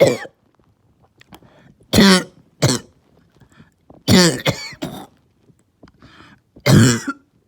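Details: Child's barking cough: about six harsh, hoarse coughs in short bursts, some in quick pairs, with a deep barking tone.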